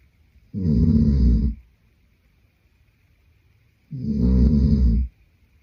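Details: Sleeping adult man: two long, deep, rumbling inspiratory snores about a second each, with quiet breathing between; loud, steady snoring.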